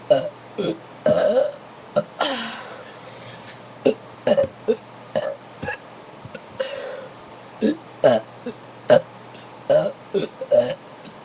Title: big burps with soda